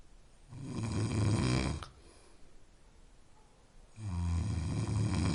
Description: a snoring sound that helps sleep.